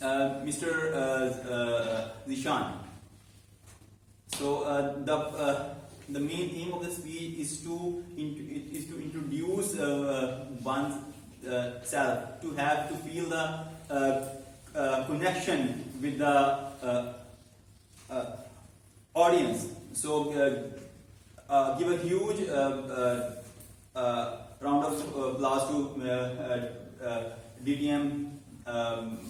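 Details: Adult man who stammers, about eight to nine months into a stammering support speaking club and has learned to accept it, hosting a live club meeting; stuttering.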